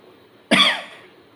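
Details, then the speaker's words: Simulated demonstration of a Heimlich-type assisted cough. The patient inhales and holds, then coughs while the heel of the hand below the xiphoid pushes inward and upward: a single forceful, abrupt cough. "ask the patient to cuff as the patient cuffs we give a upward and inward push with the manipulating hand like"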